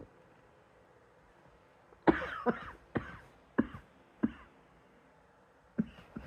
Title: # 156 hmm ... 😑 coughing KF